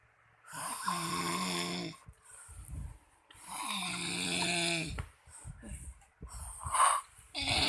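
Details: Man caught snoring really loud by his wife: loud, harsh, buzzing snores on each breath, about three in the clip, with quieter breathing between; loud snoring.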